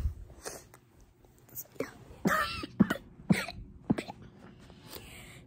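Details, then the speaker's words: Several short, soft coughs in a quiet room from a sick child with a sore throat. "that's what my cost sound like it really sucks but that's how it's just going to go"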